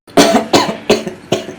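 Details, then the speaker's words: An adult speaker has a brief coughing fit of four sharp coughs in quick succession mid-speech and asks someone to pat his back; cough. "не я не кашляю постучите кто-нибудь по спине"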